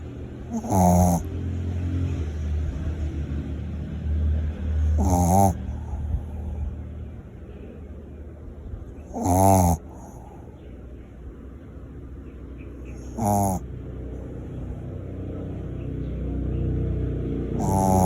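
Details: Sleeping small mixed Shih Tzu dog, possibly dreaming: loud, rattling snores in a slow, uneven rhythm, about 14 a minute, with a low rumble between them; snoring.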